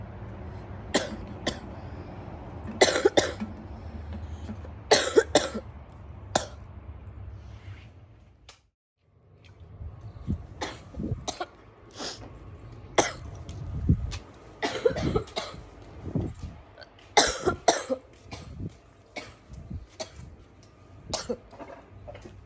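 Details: Girl with bronchitis coughing repeatedly in short clusters.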